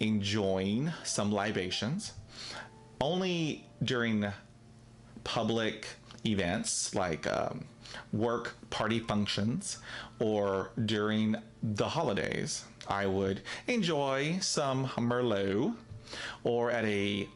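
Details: Adult man who stutters daily; he reports being told he does not stutter after drinking alcohol and did not stutter when acting a non-stuttering character; stuttering.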